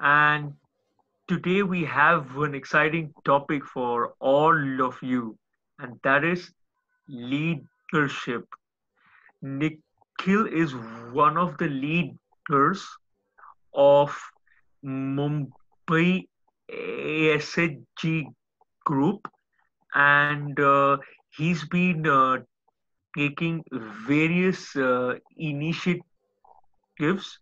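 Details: Adult male speaker; stuttering.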